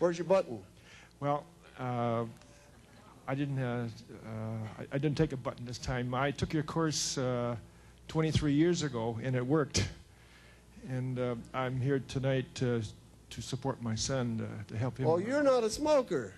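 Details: Woman whose larynx was removed, followed by radiation then chemotherapy, speaking with a battery electrolarynx held against her throat: electrolarynx speech.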